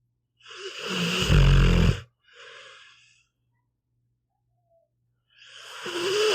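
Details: Pit bull dog sleeping: a loud, low, rumbling snore on inhalation, then a softer exhalation, then the next snore starting.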